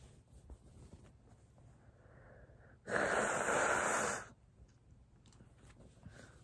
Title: A couple hanky sneezes